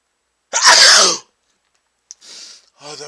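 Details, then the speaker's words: One loud, explosive male sneeze, then a sharp intake of breath and a quiet sniffling exhale, after sniffing chhinkni; eyes watering and nose running afterward. "a huge sneeze oh my my eyes are watering and my nose is running"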